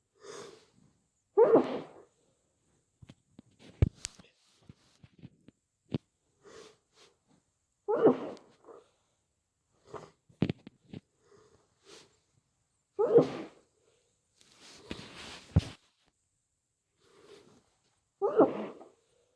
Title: Muffled snotty cold sneezes